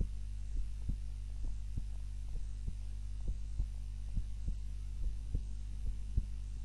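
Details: Normal resting heart sounds recorded during the recorder's own nap with a timer, lying supine (usually prone), soft regular heartbeat thumps about 65 a minute under a steady low hum.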